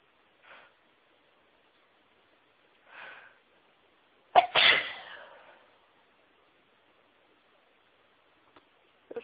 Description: Trying to announce my sneezes but it was so hard!